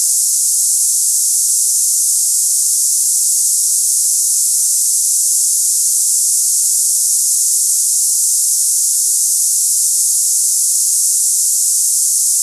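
Steady, unbroken high-pitched hiss like cicadas; a simulated cicada-type tinnitus sound for comparison.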